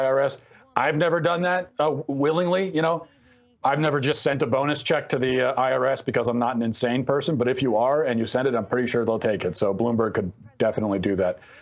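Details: Adult man speaking; no disorder.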